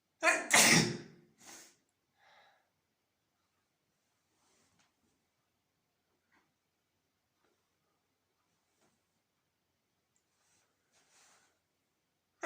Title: sneezing on the bed